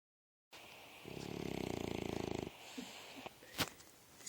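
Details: Sleeping bulldog snoring: one long, loud, rattling snore of about 1.5 seconds, then quieter breathing and snuffles.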